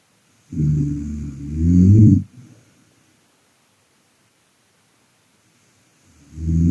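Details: Wife sleeping: loud, low, rattling snore on a breath in, then a pause of several seconds before the next; snoring.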